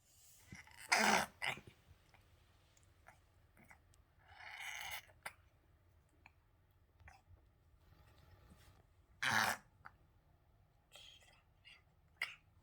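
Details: Stertor in a three-legged feral cat with skin cancer on her nose: intermittent harsh snorting and sneezy nasal bursts between quiet pauses; hard breathing through a blocked nose.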